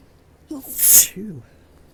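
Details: Single forceful sneeze with brief voiced intake and short exhale, during a prolonged, intensifying allergic sneezing fit attributed to rising ragweed pollen and high winds; heavy puffing breaths around it.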